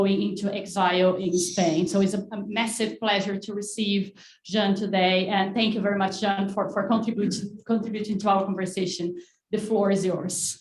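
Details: Adult woman speaking; Normal voice.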